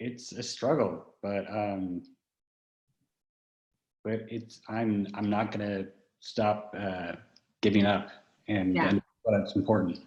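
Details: Man about 31 with aphasia from a stroke at age 21 about ten years earlier, with right-side paralysis and foot drop; initially only about three words and no reading, writing or comprehension, improving yearly; word-finding pauses and gestures; aphasia.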